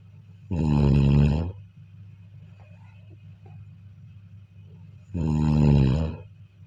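Two loud, rattling, voiced snores about four and a half seconds apart, with quiet breathing and a faint steady hum between them.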